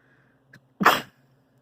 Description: Allergies have been really bad this season. I can't stop sneezing 🤧